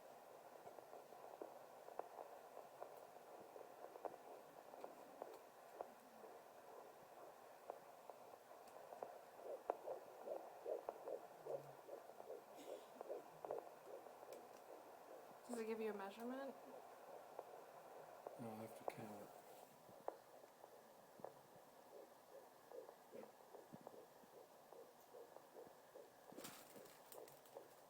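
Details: Fetal heartbeat on a handheld Doppler at a doctor's appointment, mother 13 weeks pregnant: faint, quick whooshing pulses at 144 beats per minute.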